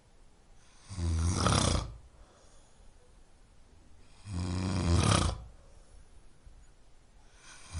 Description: a snoring sound that helps sleep.